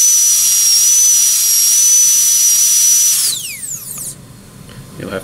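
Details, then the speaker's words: Steady high-pitched air turbine dental handpiece whine with a 330 bur that winds down and stops, then faint handling noise; Class I cavity preparation on a typodont tooth. "it's easier just to go ahead and do the the down your plunge cut down to where you want it and then move"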